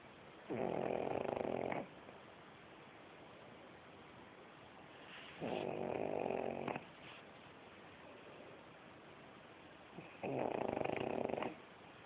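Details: Pug, a flat-faced dog, snoring while asleep: three rough, buzzing snores on inhalation about five seconds apart in a quiet room.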